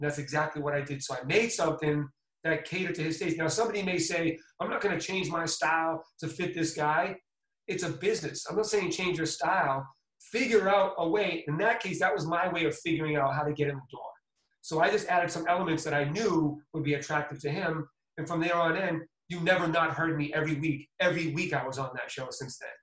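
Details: Adult man; typical speech.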